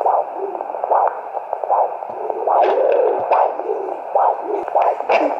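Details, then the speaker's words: Fetal heartbeat at 11 weeks of pregnancy on a home Doppler, readings of 76–78 then over 100 noted: rhythmic whooshing pulses over static hiss. "11週だから今聞こえる時が来た！76出てきた78ねえ？"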